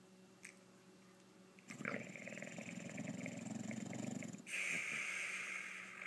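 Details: Male English Bulldog snoring during an afternoon nap: after a quiet start, a long, rough, rattling in-breath, then a breathy, hissing out-breath.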